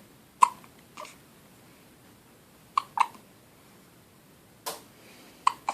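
Short, sharp hiccup sounds from a baby, irregularly spaced, about seven in six seconds, in a quiet room; ordinary infant hiccups.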